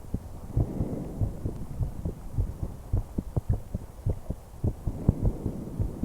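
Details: Normal breath sounds and heartbeat recorded from a 21-year-old female's chest: soft repeated heart thumps over a low rushing breath noise.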